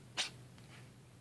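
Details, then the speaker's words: Orange tabby cat with repeated sneezing: one big sharp, hissing sneeze, followed by a faint softer puff of air in a quiet room. "Oh my goodness, that was a big sneeze."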